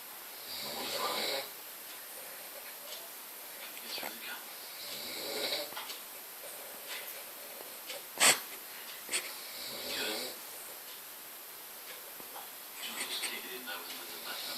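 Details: Adult man, the filmer's father, asleep after dozing off watching snooker: loud, harsh, rattling snores recurring every few seconds with breathing between them in a small room; heavy snoring.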